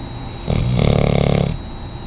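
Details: Very large auburn Labrador dog in rescue, asleep and snoring: a single deep, fluttering snore lasting about a second.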